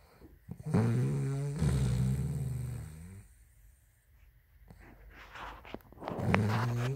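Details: Woman snoring: low, rumbling snores with a rough, buzzing tone on the in-breaths, separated by quieter pauses.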